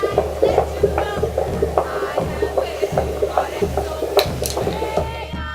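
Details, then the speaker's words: Baby's heartbeat heard before birth: rapid, fairly regular whooshing pulses at about 150 a minute with music in the background. "Do you hear that? The baby's heartbeat."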